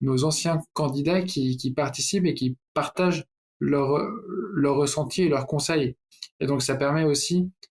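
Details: Adult man who stutters, speaking French; stuttering.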